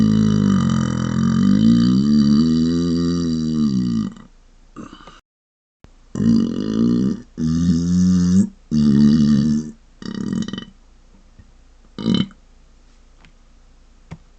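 Several loud, deep, voiced closed-mouth burps in a row, the first long and drawn out; ordinary belching.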